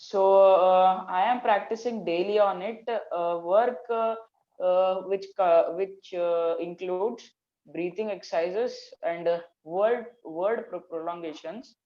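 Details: Stuttering in a 14-year-old Indian schoolboy.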